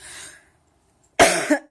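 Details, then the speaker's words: A pregnant woman gives a single sharp cough following a faint breath; she says the persistent cough kept her from an evening Bible study. "I couldn't make it to the morning time, and now this cough is just stupid, so I didn't make it to the nighttime one."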